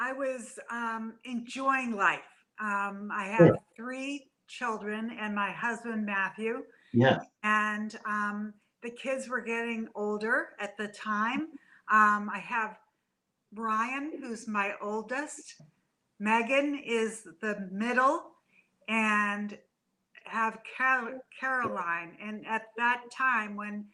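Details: Adult woman three to four years after a stroke caused by a brain AVM, still in speech therapy; aphasia after the stroke.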